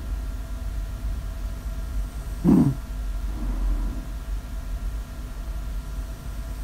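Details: Snore audio recorded for ASMR: short, low, rough inhalation bursts about four seconds apart over steady room rumble: snoring.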